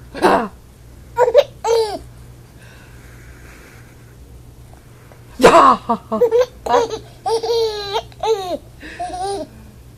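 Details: Baby laughing at grandma while having hiccups: laughing and babbling, interrupted by sharp, abrupt hiccup catches.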